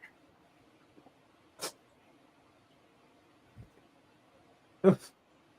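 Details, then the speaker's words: A cat sneezing twice behind the speaker, sounding like a person sneezing: two short, sharp bursts of air in a quiet room, the second louder with a brief tail. "right sorry got a cat sneezing behind me it sounds like a person sneezing good Lord"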